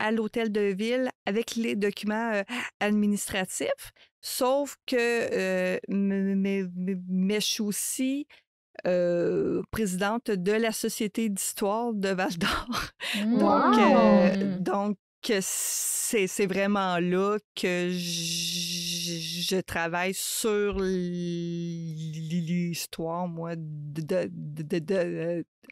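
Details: Adult woman who stutters, with word and phrase repetitions.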